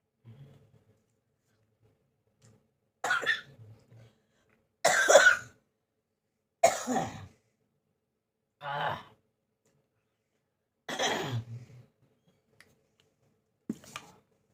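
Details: Person with a cough lasting many days, a burning feeling in the back, and on medicine: six separate harsh coughs over about fifteen seconds with quiet pauses in a quiet room.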